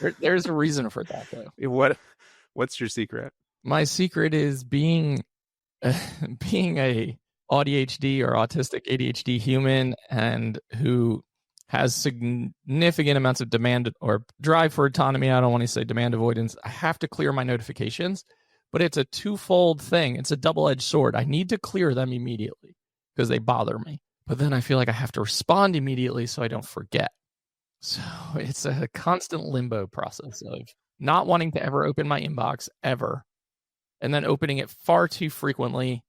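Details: Adult male with one vocal fold paralysed by 2022 open throat surgery for a rare chronic recurring throat condition, after 2021 endoscopic surgery; voice improved after extensive speech therapy, tires daily; vocal fry from unilateral vocal fold paralysis.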